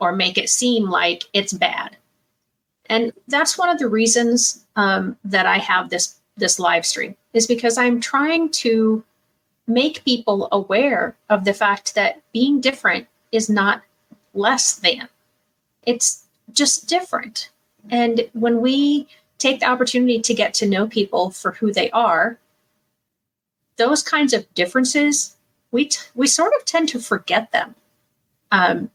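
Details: Adult woman speaking; typical speech.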